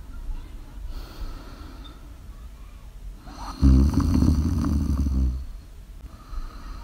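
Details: A single loud, rumbling snore of about two seconds, with quiet breathing and faint room noise around it, from a person sleeping during a live-streamed ASMR snoring recording: snoring.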